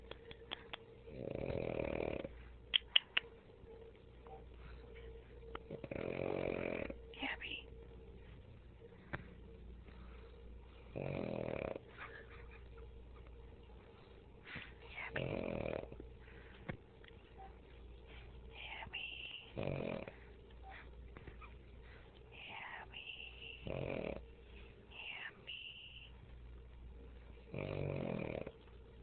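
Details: Pug, a small dog, making loud, rattling, snore-like breaths about every four seconds while awake: noisy upper-airway breathing, snoring while awake (stertor).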